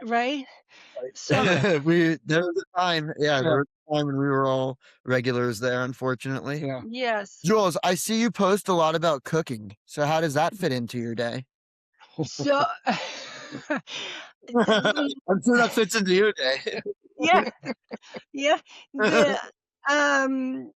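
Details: Adult woman, stroke and TIA survivor, diagnosed by a neurologist with expressive aphasia (Broca's aphasia).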